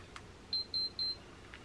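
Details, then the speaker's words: Enteral feeding pump start beeps as a formula bag is loaded and continuous feeding begins for a 100% feeding-tube-fed patient: three short, evenly spaced high-pitched electronic beeps in a quiet room. "this is attached to the bag filled with formula that I am loaded into the pump"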